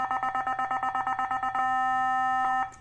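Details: Nihon Kohden TEC-5631 defibrillator tested with an analyzer: rapid pulsed charging beeps become a steady ready tone, then stop abruptly as the shock is delivered.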